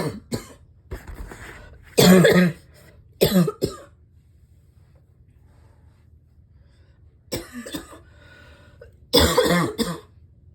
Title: #7 - this cough is still so bad